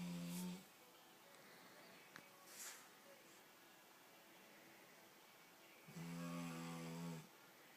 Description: My yellow English Labrador snoring